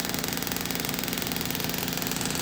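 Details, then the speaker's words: EPAT shockwave therapy on a marked painful spot on the heel for insertional calcific Achilles tendinosis: fast, steady pulsing tapping over a mechanical drone; treatment under five minutes, uncomfortable. "so once I turn this on the treatment is less than five minutes it's uncomfortable but it's not"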